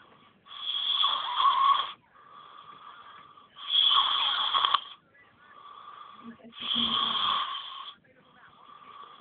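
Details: Sleeping boy snoring loudly with whistling snores about 20 breaths a minute and quieter noisy breathing between.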